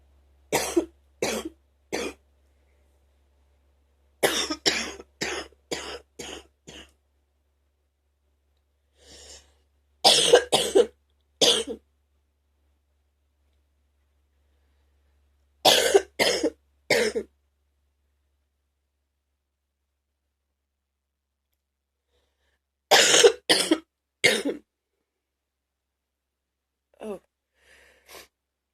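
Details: Adult coughing recorded at night and in the morning: repeated bouts of deep coughing, several coughs per bout, separated by quiet pauses.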